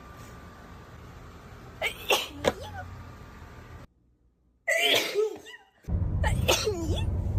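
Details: Three explosive sneezes, each with a quick intake of breath before the burst, over steady background noise; sneezing.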